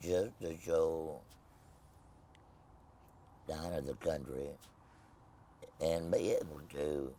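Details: Tracheoesophageal speech in an adult man after total laryngectomy, no voice box, speaking with a Provox voice prosthesis.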